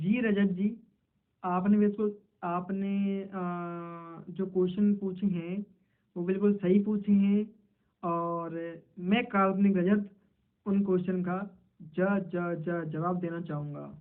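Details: Man who describes himself as a person who stutters, role-playing a stammering interview in Hindi, with part-word repetitions; stuttering.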